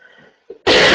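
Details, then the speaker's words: Adult woman with a bad cold, speaking in an online meeting, gives a brief quiet intake and then a single loud, harsh cough that is cut off at the end: acute cough. "Извините, кашель забивает. Вообще, говорю, простыла сильно."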